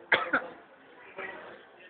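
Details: Child with a cold coughs in three quick bursts, two sharp ones close together, then a softer one.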